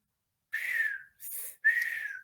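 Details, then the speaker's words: High-pitched whistling in three short bursts, a spoken imitation of wheezing: the musical, high-pitched, whistle-like sound of turbulent air through obstructed bronchioles in asthma. "las síbilancias corresponden a sonidos de tipo musical de alta tonalidad semejantes a un silbido es como un silbidito"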